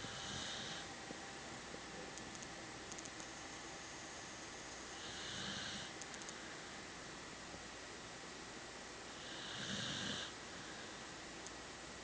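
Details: Quiet snoring: soft, hissing breaths about every four to five seconds, some with a faint rumble.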